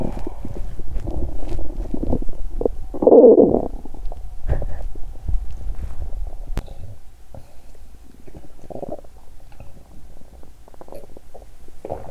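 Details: Irregular gurgles and rumbling bursts, loudest early then quieter, with scattered squelches; bowel sounds from a stomach that growled loudly after exercising on an empty stomach, which made the person feel unwell, with digestion sounds also included.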